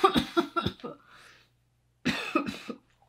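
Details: Two runs of several harsh, loose coughs with a brief pause, a wet productive cough from sinus drainage/possible infection in a sick person with lost voice, no COVID symptoms, while singing.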